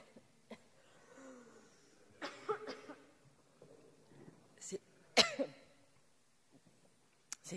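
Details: Coughing fit in an adult woman, a French government minister speaking in the National Assembly, with repeated harsh cough bursts and throat clearing interrupting her speech; she coughs into her elbow, spokesperson attributes it to stress, faint room noise.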